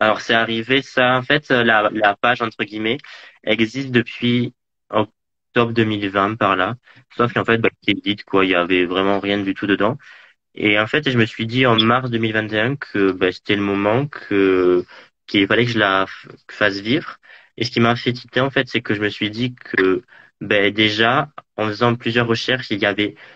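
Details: Young adult man speaking French; stuttering.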